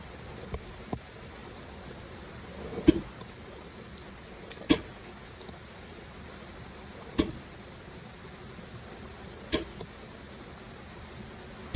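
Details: Sharp, brief gulping catches repeating every few seconds over quiet room hiss, with possible audio issues; hiccups.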